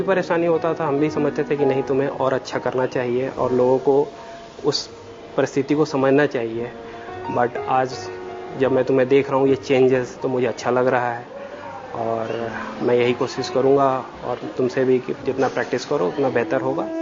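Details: Adult male speaker; normal fluent speech.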